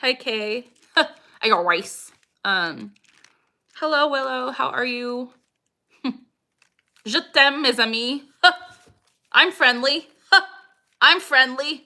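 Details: Vocal tics in a woman with Tourette syndrome, with a recurring phrase tic and repeated phrases; she says she is really ticky near the end of an hour-long livestream.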